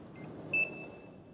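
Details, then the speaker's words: Digital thermometer beep while taking the temperature of a nervous wild mare from Arizona at a horse shelter; she may have hyperperistalsis and had a wet stool, and reads 103.2 °F. A short high-pitched beep signals the reading is complete. "I'm just going to recheck your teeth. It's okay. It's going to make a beep."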